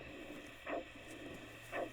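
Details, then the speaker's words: Wild female Missouri tarantula, freshly molted and about orange-sized, heartbeat heard with a Doppler ultrasound device of the kind used for fetal heart rate: two soft whooshing pulses about a second apart. The heart slows as the spider calms. "Next, they take out a special ultrasound machine to listen to her heartbeat. I didn't expect a tarantula heart to sound so similar to ours."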